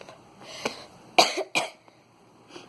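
Two short, sharp coughs close together in a quiet room, with a faint sniff after; an ordinary dry-sounding cough.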